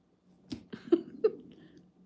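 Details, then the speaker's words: Adult's stomach growling (borborygmi) while talking: a few soft, bubbly gurgles and pops over a faint steady hum. "Oh, did you hear that? Sorry, that was my tummy."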